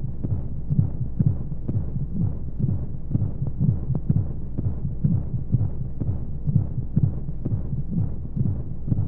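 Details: Womb sound played as a sleep aid for babies: steady low thumping heartbeat at about 125 a minute under a constant soft hiss of white noise.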